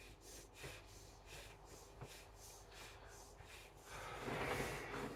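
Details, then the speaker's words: Adult woman with 22q11.2 deletion syndrome and genetic seizures (SYNGAP1) after tonic-clonic seizures: fast, shallow, noisy nasal breaths with nasal flaring; rapid breathing (tachypnoea) after seizure. "Try and oxygenate. A lot of rapid breathing. Nasal flaring cuz she's trying to get some oxygen in."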